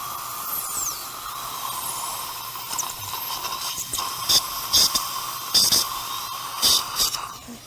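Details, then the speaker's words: High-pitched whining drill with louder bursts and water-spray hiss as a bur grinds a residual root remnant during live root shield or socket preservation surgery in an upper anterior socket; dental drill. "checking the socket here okay a little bit more grinding out slightly grinding out"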